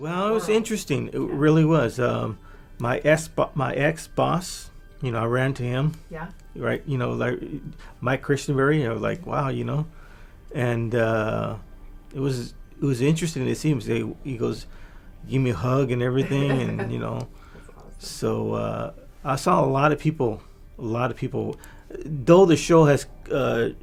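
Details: Adult man with aphasia from a massive stroke 3 years earlier, before brain training; much language regained but fluency still impaired; aphasia.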